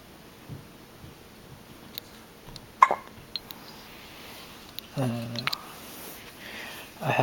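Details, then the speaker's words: Soft, brief, sharp catches recurring in a quiet room with faint voiced sounds between them, from an infant awaiting a milk feed; infant hiccups. "Do you have the hiccups? What are you looking at over here? Do you have hiccups? I think you do."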